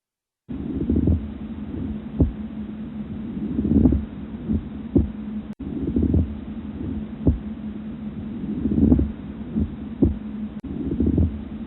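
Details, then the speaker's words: Breath sounds with a leathery pleural friction rub: repeated creaking, grating bursts with each breath over a low steady hum, likened to two pieces of leather rubbed together, from inflamed pleural surfaces. "These sounds have a leathery quality. This sound has been compared to the sound made when two pieces of leather are rubbed together."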